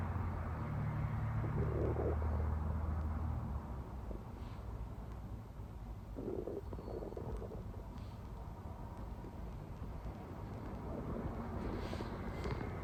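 Low rumbling and gurgling from the abdomen, recorded close, typical of ordinary stomach growling.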